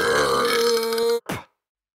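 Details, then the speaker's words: Deliberate burp in a burping tutorial by a burping champion, made by swallowing air and letting it out: one long, loud, steady-pitched belch, then a short second one. "the basic concept behind burping is about swallowing in some air and letting it out in a fancy way"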